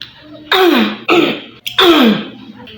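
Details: Three harsh, voiced throat-clearing coughs, deliberately imitated by an adult in a quiet room to demonstrate hoarseness and phlegmy throat; cough and throat clearing.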